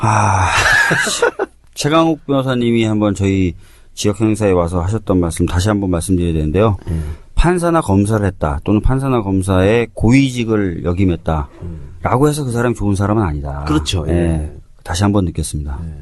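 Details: Adult male speaker; ordinary speech.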